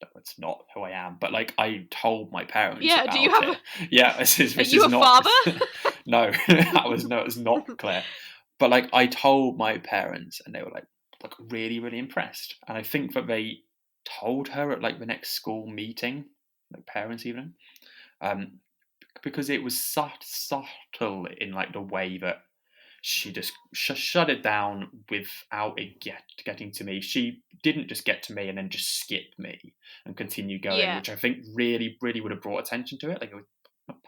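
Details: Adult podcast host who stammers, speaking about stammering at school; stammering.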